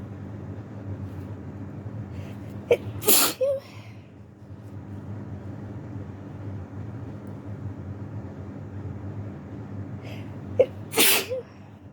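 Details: Two sharp sneezes about eight seconds apart over a steady low background hum, from a person sick with flu and isolating at home.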